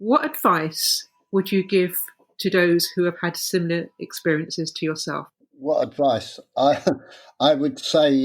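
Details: Adult speakers, interview; ordinary speech.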